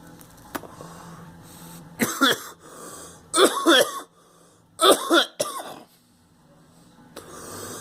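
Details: Girl coughing while the household has a cold: three bouts of harsh, wet-sounding coughing, two or three coughs each, with quiet room noise between.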